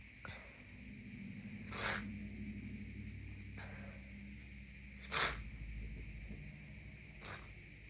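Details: Three short explosive congested bursts over low background rumble, sneezes or nose blows, after moving from a colder to a warmer room; sneezing.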